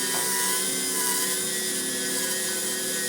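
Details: Steady high-pitched whine of a spinning rotary dental file during root canal treatment of a traumatized necrotic tooth in a younger patient injured by a baseball, used at the cleanup and backfill stage.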